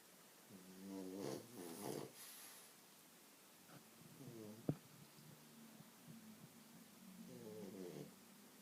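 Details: Three rumbling, slightly whistling snores at irregular intervals from Leo, a French bulldog sleeping on the owner's legs in a quiet room; snoring.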